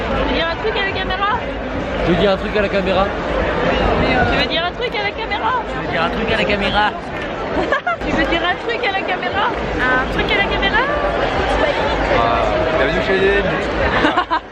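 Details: Adult speaker in a crowd; ordinary speech.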